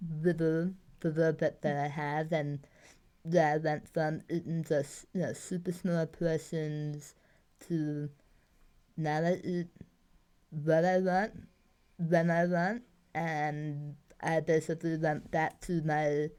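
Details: Articulation impairment after partial glossectomy in an adult woman, survivor of two bouts of tongue cancer: about 50% of tongue removed, flap, neck dissection, 30+ radiation rounds; tongue tethered, immobile, no tip; speech improved with exercises and a prosthesis.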